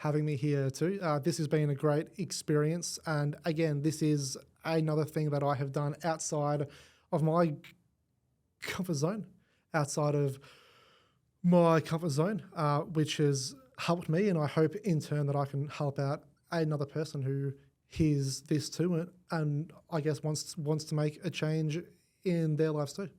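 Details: Speech of an adult man with cerebral palsy whose stutter is a symptom of his condition, who credits the McGuire Programme; stuttering.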